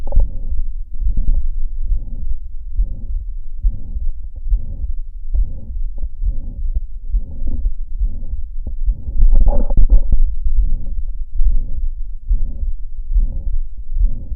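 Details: Heart sounds recorded with a Stethophone digital stethoscope (FDA-cleared Class II device), demonstrating a systolic heart murmur as a marker of a range of cardiac pathologies.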